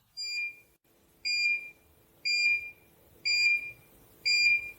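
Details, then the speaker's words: 980 nm SOGA diode dental laser cutting tissue under tension on a meat model: five clear high-pitched beeps about one a second in a quiet room; laser emission tone. "The concentration of 980 nanometer energy at the fiber tip helps you achieve a precise cut on this tissue, with great accuracy and efficiency, ensuring opti"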